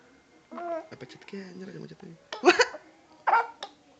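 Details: A father coughing during playful counting with a child: brief talk, then two short, sharp cough bursts.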